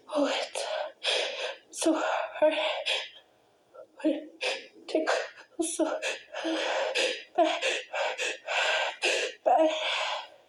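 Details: Person trying to stifle repeated sneezes, some too strong to hold back: rapid gasping breaths and muffled sneeze bursts, some escaping forcefully, amid laughter; stifled sneezes.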